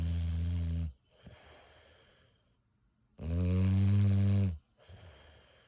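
Deep, loud, rumbling snores on each breath in, with quiet breathing out between them. Heavy snoring from a flat-faced dog.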